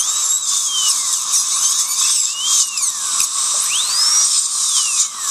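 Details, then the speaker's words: Shrill drill whine rising and falling: a surgical handpiece perforating extraction socket walls to create bleeding holes during L-PRF bone grafting on a patient, with water irrigation, no saline. "What I'm going to do is just create some bleeding holes in every socket. I'm just going to perforate the socket wall and simulate some bleeding. Without bleeding, we have no growth."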